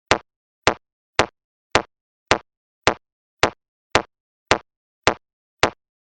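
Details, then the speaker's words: Steady sharp metronome clicks at about 107 a minute from a BeneHeart C2 AED after a shock is delivered, pacing 30:2 CPR (30 chest compressions, two rescue breaths) with CPR sensor; AED demonstration. "shock delivered start cpr immediately follow the metronome to give 30 compressions and two rescue breaths"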